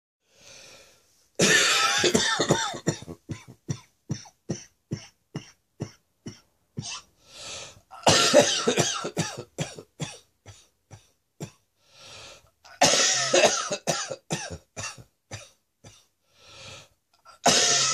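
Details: Adult still coughing after a chest infection: repeated harsh, loose-sounding coughing fits, each followed by a rapid string of shorter coughs; chesty productive cough.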